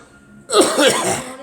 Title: Girl coughing